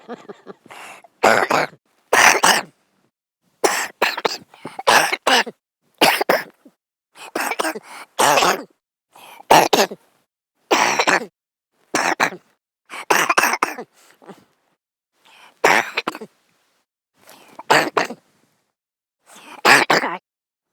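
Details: Man coughing during sleep: repeated harsh coughs, about fifteen bursts in twenty seconds, some in pairs, separated by silent pauses; cough.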